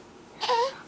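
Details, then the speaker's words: Brief, short fussy cry from a baby girl nearly 3 months old, described as overtired and making an angry face; infant fussing cry. "Oh, that's an angry face. You're supposed to show them how good of a baby you are. I know you're overtired though, so I understand."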